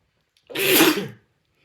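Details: Person sneezing while reading Poe's The Raven aloud: a single sharp, explosive sneeze in a quiet room.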